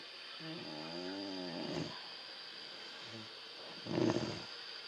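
Sleeping dog making a wavering, whiny snore, then a snorting breath; dog snoring.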